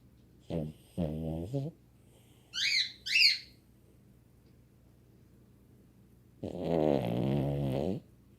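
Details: Short buzzy snores, then two high whistling squeaks, then a longer buzzing snore during sleep; snoring.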